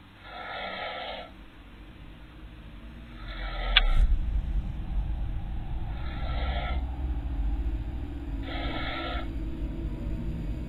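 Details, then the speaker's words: Man deep asleep on a couch, caught on a home camera: four rhythmic, noisy snoring breaths roughly every 2.5 to 3 seconds over a steady low hum. "Her brother was deep asleep on the far couch. You can actually hear him snoring"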